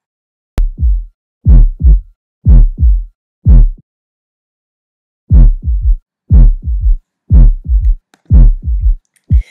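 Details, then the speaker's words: Third heart sound (S3): slow heartbeat near 60/min with a soft, very low-frequency extra diastolic thud after the second sound, giving a triple rhythm; caused by abrupt ventricular filling, often heard in children without pathology. "se trata de un ruido diastólico que ocurre después del segundo tono y tiene una frecuencia muy baja es causado por el llenado brusco de ventrículo"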